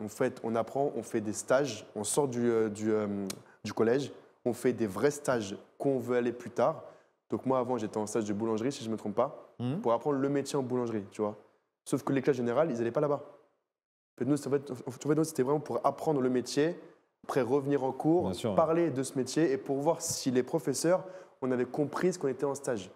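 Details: 24-year-old man with stuttering since childhood, severe as a child and now somewhat milder, reportedly absent while performing magic; real conversational speech; finding: stuttering.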